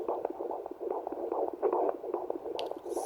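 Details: Fetal heartbeat on Doppler at about halfway through the mother's fifth pregnancy: fast, regular whooshing pulses, a strong 146 beats a minute.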